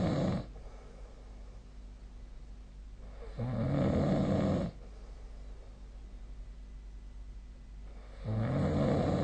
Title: 🐽 本日のイビキ / Snoring Sleep Sound